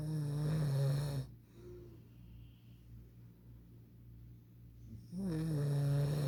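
Two loud, low rattling snores on breathing in, with a quiet pause between; snoring.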